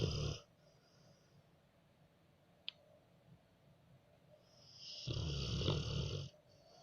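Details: Rottweiler snoring: two rough, rattling snores separated by about five seconds of quiet breathing.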